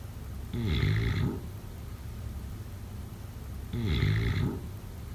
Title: #sleepnoises #snoring #sleepsounds #snoringasmr #snoringsounds #snoringsleepingsoundeffect